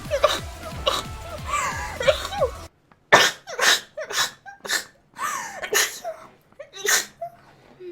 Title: sneezing compilation